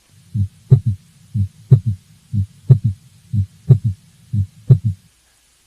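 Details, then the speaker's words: Third heart sound (S3) teaching recording, loudest at the apex: regular heartbeat about 60 a minute with a soft, low extra sound right after S2, a 'Kentucky' rhythm. "now I'll play you an example of an S3 try to listen for a heart sound that comes right after S2 some people remember this sound as following the pattern of Kentucky so it's Kentucky the Ken is the S1 the Tucky is the S2 and S3"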